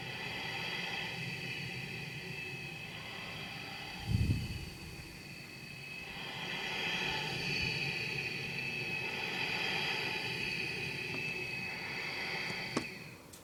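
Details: A 2007 CPAP machine run for a mask fit test at full prescribed pressure, as it sounds fully ramped up at night: a steady airy hiss and motor whine, with a brief thump and a rise in airflow.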